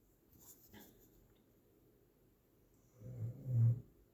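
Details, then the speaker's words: A pet dog, female, snoring loudly in the background while asleep: snoring. "Also, my dog is snoring in the background, so if you hear that, it's not me."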